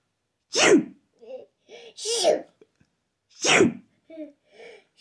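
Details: Three sharp, explosive sneezes, each followed by short, quiet sounds, in a quiet room; sneezing.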